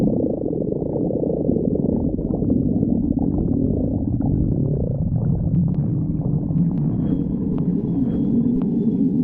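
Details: Stomach growling; borborygmi.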